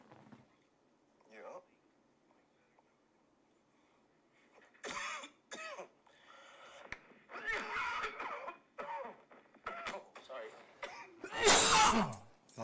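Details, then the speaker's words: Ordinary adult cough in a small room: a few short, harsh bursts and a loud explosive burst near the end; the speaker says thinking of coffee caused the cough. "No, I'm just thinking of coffee made me cough."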